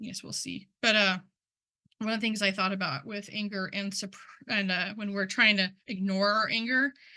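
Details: Adult man who stutters, speaking at a stuttering conference, involved in stuttering communities for about 10 years; word and part-word repetitions are audible; stuttering.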